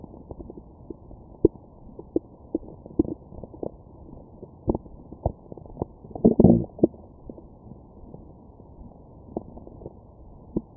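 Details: Stomach growling after eating McDonald's, recorded with a Stemoscope: scattered gurgles and clicks with a louder rumbling burst, active bowel sounds.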